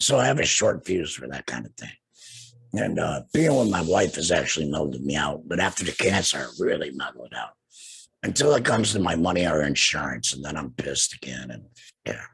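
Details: Tracheoesophageal speech in an adult man two years after total laryngectomy for cancer treated with radiation and chemotherapy; he has no larynx, breathes through a neck stoma and speaks with a TEP voice prosthesis, using an HME.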